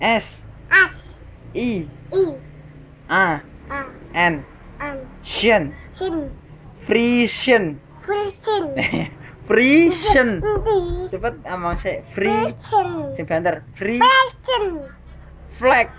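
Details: Young child who cannot pronounce the letter r and repeatedly fails to say a brand phrase; the owner calls it stuttering; articulation difficulty (childhood speech sound errors).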